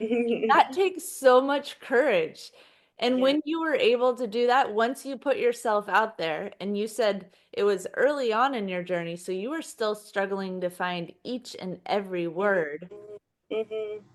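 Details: Adult woman (interviewer); Typical speech.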